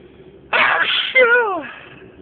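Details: Person sneezing repeatedly for over four minutes from something in the nose: a single forceful sneeze with a sharp burst of breath and a brief voiced cry after it.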